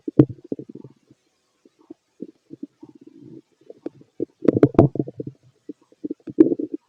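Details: Bowel sounds of a fit male heard through a stethoscope during digestion of pastry, chicken, curry, bread, milk, eggs and pasta: frequent low gurgles and bubbling pops in irregular clusters, normal active bowel sounds.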